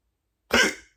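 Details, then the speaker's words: A single abrupt, sharp throat sound with a quick gulping catch, strong enough to cut the breath, before sleeping: hiccup. "Putain, il est fort aujourd'hui. Putain, ça me coupe la respiration carrément."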